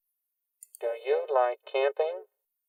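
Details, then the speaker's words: Cochlear implant simulation matched to a patient with a relatively short electrode array and a few months of implant experience: robotic-sounding voice saying "Do you like camping?", judged pretty close but needing higher pitch. "Okay, that That robotic sounds pretty close. It's pretty close."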